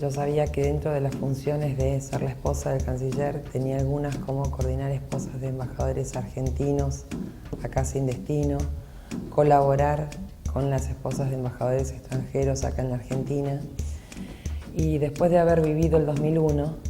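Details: Adult woman speaking Spanish; normal speech.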